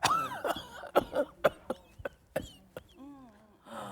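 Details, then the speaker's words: Adult imitation in a pertussis explanation: a rapid run of short coughs without a breath between, then a drawn-in whooping breath; prolonged coughing in children can cause low oxygen; whooping cough. "보통 미국이나 영국권에서는 우핑 커프라고 해서 기침 끝에 소리에 이 소리가 들려요."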